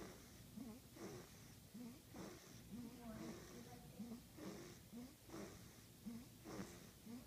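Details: Quick, regular snorting breaths with a rough throaty rattle, about one second apart; snoring.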